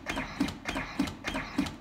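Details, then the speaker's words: A LUCAS mechanical chest compression device is demonstrated by a fire chief, giving steady rhythmic thumping at about 100 compressions a minute at consistent rate and depth during automated CPR: mechanical chest compression device running. "In addition to, you get the right speed of compression at the right depth of compression, prolonged."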